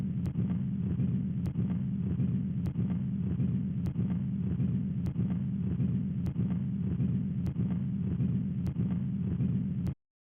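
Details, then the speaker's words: Simulated continuous machinery murmur of patent ductus arteriosus: a low, continuous burring running through systole and diastole of every beat, about 50 a minute. "To help commit this one to memory, think about a continuous burring sound that runs the whole length of the cardiac cycle. We'll add in the murmur now so you can appreciate this."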